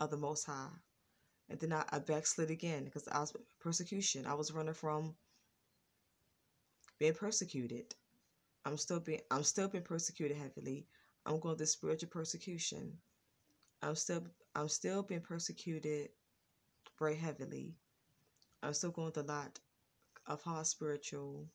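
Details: Adult woman with a lifelong, persistent stutter, now more controlled and worse when excited; she describes pauses, stops, ticking noises and throat blocks when words get stuck. Stuttering.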